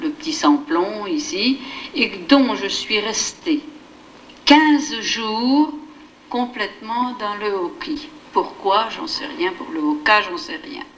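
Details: Woman with receptive (Wernicke's) aphasia speaking, showing phonemic and verbal deviations and neologisms; Wernicke's aphasia.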